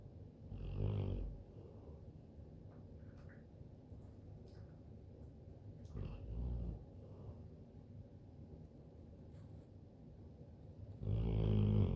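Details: Animal snoring: three low, rumbling snorts about five seconds apart over a quiet background, each a rough, noisy breath in.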